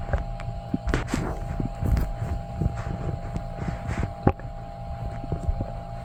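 Low, irregular gurgling and sloshing rumbles from the abdomen, typical ordinary bowel sounds.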